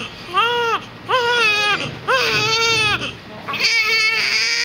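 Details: Big baby cries in four loud, pitched bursts with brief breaths between them, apparently hungry; infant crying.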